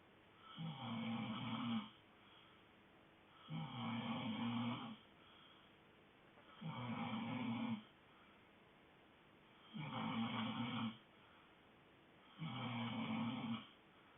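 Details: Sleeping dog snoring steadily: regular low rattling snores on each breath, about 21 a minute, with quiet pauses between; snoring.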